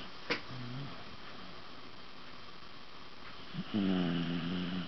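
Low, rumbling snore sounds from a sleeping dog in a quiet room, with a longer snore near the end.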